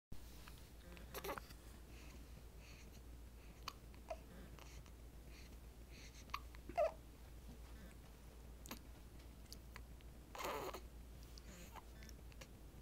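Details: Nine-day-old baby girl: repeated short abrupt catches, about six or seven over thirteen seconds, soft background noise; ongoing hiccups.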